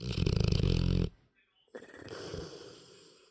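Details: 9-month-old large dog snoring while sleeping comfortably: loud, rattling, low, vibrating snore in rapid pulses, a short pause, then a softer snuffling snore.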